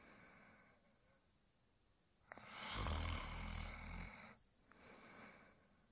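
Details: One long, deep, rumbling inhaled snore between quiet breaths from a sleeping adult male, in a one-hour sleep-sound snoring recording; snoring.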